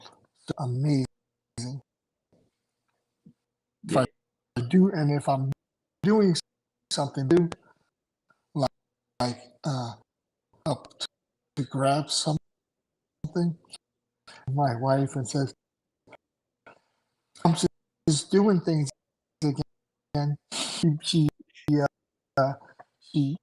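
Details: Adult male with aphasia after two strokes in November 2017, including a hemorrhagic stroke; short-term memory problems, right-sided weakness, unusable numb right hand, ten seizures since; aphasia.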